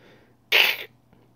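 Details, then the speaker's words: A person imitates the sound of kennel cough in 8–12-week-old puppies: one short, harsh, airy snort-like burst, like a sneeze or backwards cough: kennel cough (imitated). "did somebody hear the puppy sneeze uh was that like a backwards like cough you know um if you hear that you need to let us know immediately"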